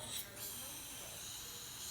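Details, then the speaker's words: Nasal suctioning of an infant or young child in the emergency department, catheter wiggled in nostril, one side then other; soft steady suction hiss with faint gurgling. "you do one side and move to the other again go in nice and quick with my thing wiggling around a little you usually get more from one side than the other but"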